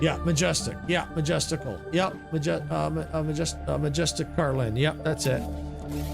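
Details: Stuttering in an adult man whose childhood stutter went away and is returning as he ages, with minor stressors as triggers; here he stutters on a word.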